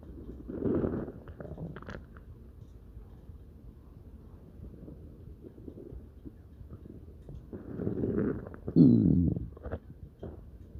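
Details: Stomach growling (borborygmi): low, gurgling rumbles rising and fading in a few bursts against a quiet background.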